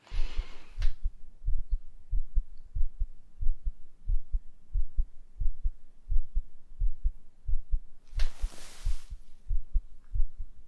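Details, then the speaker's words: Regular low thumps at about 90 a minute with brief rustling, heard through a stethoscope on the chest in a simulated ASMR doctor roleplay exam; the heart rate is described as a little elevated, mildly fast. "okay so um your heart rate is a little bit elevated it's a little bit higher than I'd like"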